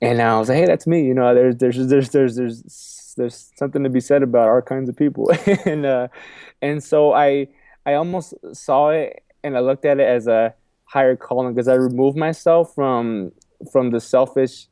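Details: Adult man who says he has a stuttering problem and has accepted it; stuttering.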